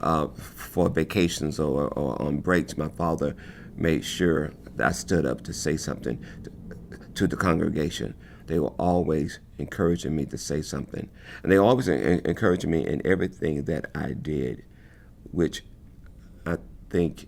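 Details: Stuttering in an adult man who has spoken differently, with effort to get words out, since his earliest memories of speaking.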